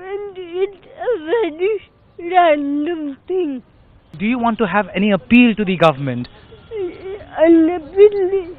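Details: Adult interviewer; Typical speech.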